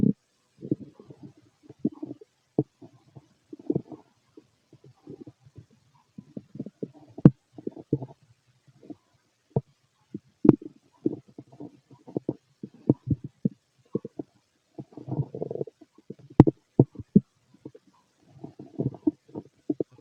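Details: Empty-stomach bowel sounds (borborygmi): frequent low gurgles, rumbles and sharp pops in irregular clusters.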